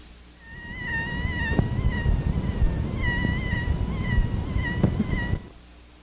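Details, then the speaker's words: High-pitched wavering squeaks recorded without a stethoscope directly over a bronchopleural cutaneous fistula: a bronchial leak squeak. "the presence of a Bronco plural cutaneous fistula may be accompanied by a bronchial eek squeak which you will now hear"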